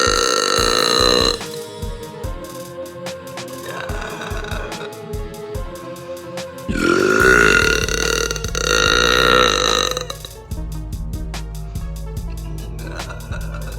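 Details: Girl burping: long, loud, drawn-out ordinary belches over background music.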